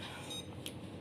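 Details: A single short electronic beep from the keypad of an arterial blood gas (ABG) analyzer as operator and patient IDs are entered, over quiet room noise.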